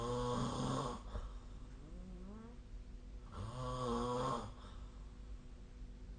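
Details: Two soft, droning snores over steady low room hum, recorded during sleep, possibly via the SnoreLab app; snoring.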